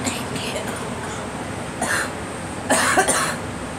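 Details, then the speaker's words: A girl gives a short cough, then a stronger double cough, over a steady low background rumble, likely a vehicle or room noise: a child's cough. "Let the cough out."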